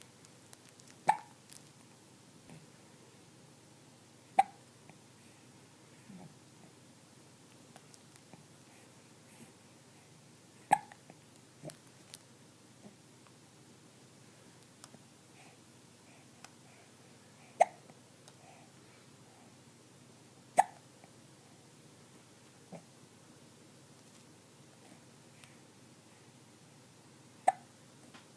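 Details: 14-week-old kitten with hiccups; soft, sharp hiccup clicks, about six over half a minute at uneven intervals, in a quiet room: hiccups.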